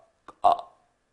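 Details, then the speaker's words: Single brief, harsh, high-pitched crowing noise on a breath in: an adult's imitation of inspiratory stridor, described as one of three signs of laryngitis/epiglottitis alongside barking cough and hoarse voice. "셋째는 숨을 들어 마실 때, 즉 들숨 때 천명의 소리가 들립니다."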